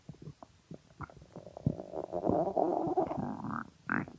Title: Extremely Hungry Stomach Growling